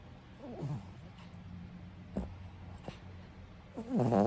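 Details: Low, rough rumbling breaths with brief snorts from a cat, ending in a louder rasping snore. Cat snoring.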